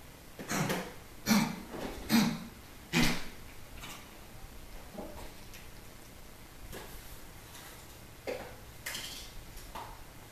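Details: A pet named Foxy gives a run of about four harsh, forceful coughs, then softer coughing sounds: cough.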